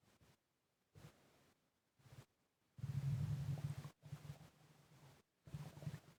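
Low, rumbling gurgles come in irregular bursts with quieter breath-like noise between them: stomach gurgling, ordinary bowel sounds.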